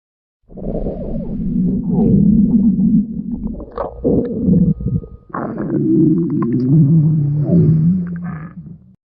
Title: What Is That Sound?? Part 2 (A Stomach Growl Video - Request)